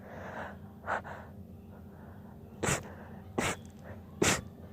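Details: A female trying to hold back sneezing: four short, sharp sneezes within a few seconds, the first muffled and held back, the later louder.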